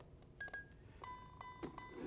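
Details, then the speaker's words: Power-on signal of a LUCAS 2 mechanical chest compression device, shown in training: short electronic beeps and a steady tone after the on/off button is held for one second; a normal start-up sound. "here's the on/off button push it down for one full second to power on or off when"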